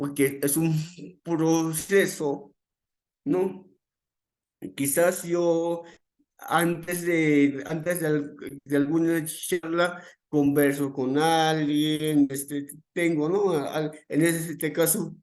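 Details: Adult man, a psychologist who stutters, speaking Spanish; he notes listeners may hear blocks and involuntary movements; stuttering.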